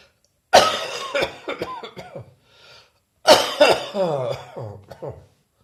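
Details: Two bouts of harsh coughing with throat clearing: wet productive cough bringing up phlegm.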